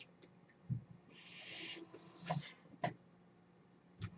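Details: Home mechanical ventilator delivering a breath, heard in a quiet room from a ventilator user speaking in a podcast: a soft rush of air under a second with low thumps and sharp clicks before and after; ventilator breath cycle.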